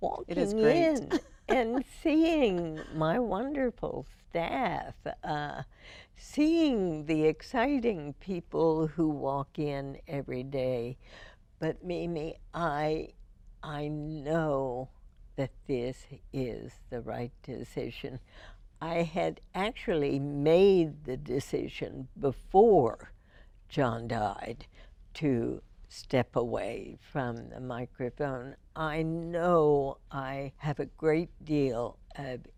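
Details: Adult female with spasmodic dysphonia diagnosed in 1998, treated every four months with botulinum toxin injections into the vocal cords; spasmodic dysphonia.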